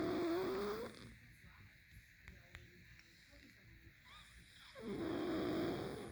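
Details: Two loud, rough, rattling snores separated by a quiet pause during sleep; heavy snoring.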